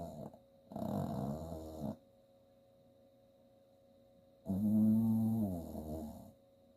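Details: 8-year-old female Chihuahua–Jack Russell terrier mix, sleeping and dreaming: two long, low, groaning snores with a faint steady hum behind them; snoring.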